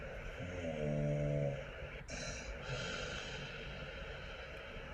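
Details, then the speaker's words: Snoring with obstructive sleep apnoea in an adult man during sleep, recorded overnight: a single low, rough snore rises and fades, then quieter noisy breathing; snoring drops off before arousal due to low oxygen. "You can see on this graph here that I start snoring like this and then it drops right off. So now obviously my neck has aroused, my brain has aroused my neck muscles to wake up because I'm not getting enough oxygen"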